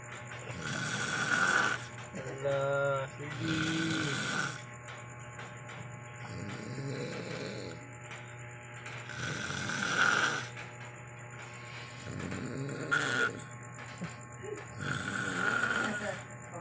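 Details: A drunk man snoring heavily and loudly: rough, rattling snores about 21 a minute, uneven in rhythm, with music and sound effects laid over them.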